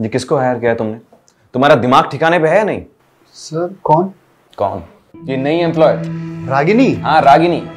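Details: Adult male actor speaking Hindi, with background music; no speech disorder.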